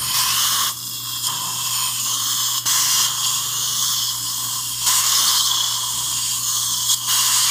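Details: Steady, high-pitched whine with brief dips in pitch: a dental drill seating upper mini implants in the jawbone for an overdenture in a female longtime denture wearer, who is not feeling discomfort.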